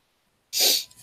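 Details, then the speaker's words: An adult who is stuffy and coughing after a day of moving storage out in the cold sneezes. "I was moving storage and stuff all day yesterday out in the cold and it was insane so that's why I'm sounding kind of stuffy and keep coughing and I need to sneeze so if you hear that I'm go ahead and say excuse me"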